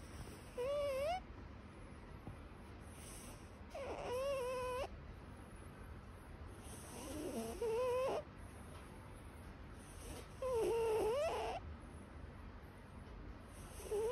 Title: Cat Snoring